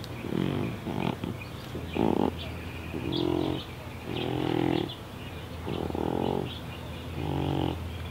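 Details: Awake deaf pet cat with neurological problems and breathing problems makes repeated loud, rough, pig-like snorts with each breath, about six in eight seconds: stertor.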